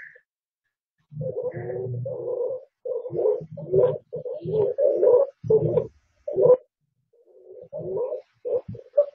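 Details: Harsh, musical, crowing breath sounds in uneven bursts, stridor from a narrowed upper airway, presented as a lung-sound example in a respiratory examination skills lab.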